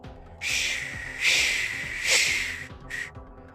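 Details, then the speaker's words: Simulated pulsatile tinnitus: a high whistling tone swelling and fading in a pulse-like rhythm, about 70 per minute, synchronized with the heartbeat, over faint background music. "लेकिन pulsatile tinnitus में कानों में सीटी की आवाज़ व्यक्ति की दिल की धड़कन या पल्स के साथ सिंक्रोनाइज रहती है। इसे पल्सेटाइल टिनिटस इसीलिए कहा जाता है क्योंकि ये एक पल्स के समान रिदम में कुछ इस तरह चलती है,"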